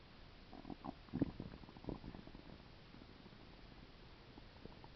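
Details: Stomach sounds attributed to a stomach ulcer: low gurgling rumbles from the belly, a few loud bursts early, then quiet hiss.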